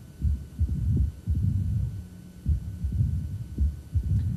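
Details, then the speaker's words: Mitral stenosis, low diastolic rumble at lower left sternal border with short A2–opening snap interval, irregular rhythm; murmur quiets and fades during long R-R intervals as atrial and ventricular pressures equilibrate, suggesting milder stenosis. "notice the murmur gets quiet goes away [Music] what that means is the atrium and ventricle are equilibrating in their pressure"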